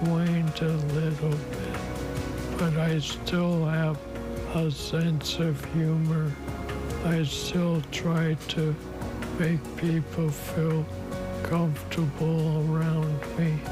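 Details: Older adult man speaking; dysarthria (ALS).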